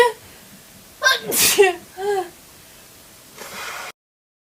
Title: Awesome spray sneezes